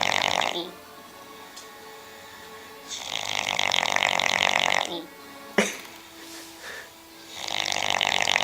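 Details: Loud rattling snores on each in-breath, separated by quiet out-breaths, with faint music in the background; ordinary snoring during sleep.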